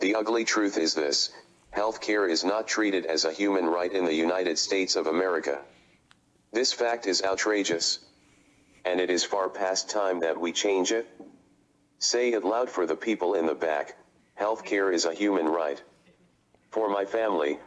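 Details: Adult man speaking through a computer-generated voice; Synthesized speech (speech-generating device) in ALS with loss of natural speech.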